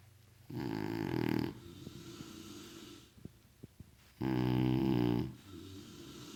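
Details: Two people snoring in sync: two loud, buzzing, rattling snores on breathing in, a few seconds apart, with softer breathing out between them.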